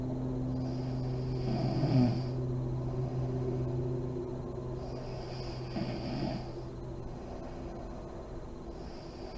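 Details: Adult woman (mom) snoring in deep REM sleep with lights on, with deep breathing and lip blowing: soft, low snoring breaths with faint fluttering over steady background hum.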